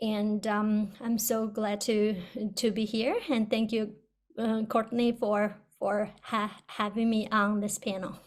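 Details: Person who stutters on a stuttering panel for speech-language pathologists; audible word and part-word repetitions; stuttering.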